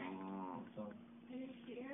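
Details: Female Pekingese, a small flat-faced dog, snoring: a steady, tonal, humming rattle swelling and fading slightly over two seconds; snoring.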